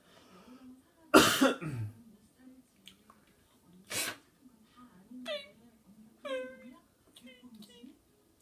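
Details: One loud harsh cough burst from a father, which his child finds strange-sounding, then shorter throat sounds mixed with the child's vocal sounds and quiet room noise: cough.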